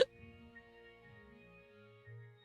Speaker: That hiccup hurt. That was a little painful.